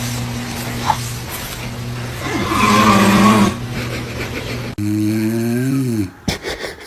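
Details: Dad snoring: a loud, rough snore over a steady background hum, then a rising whine as the scared baby reacts and cries.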